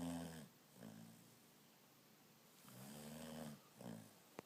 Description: My dog's weird snoring